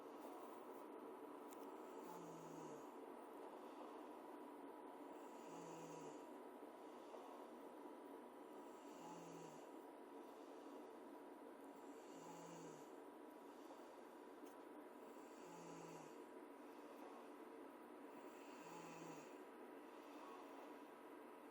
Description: This girl, at 12:30 am, snoring...keeping me from hearing X-Files and falling asleep...ugh...